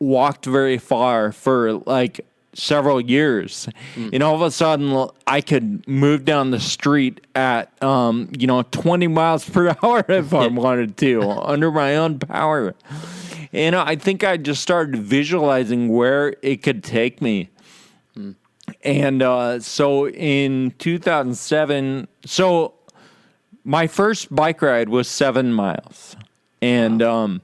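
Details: Real male patient with Friedreich's ataxia, a condition causing loss of muscle control and balance and slurred speech; ataxic dysarthria (Friedreich's ataxia).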